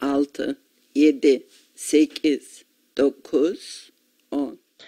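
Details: 62-year-old woman with adductor spasmodic dysphonia, 20 years of increasing hoarseness and 8 years of intermittent injection treatment, counting six to ten.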